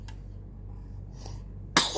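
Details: Baby playing: after a quiet stretch with low room hum, a single sudden sharp burst of air, an infant's sneeze.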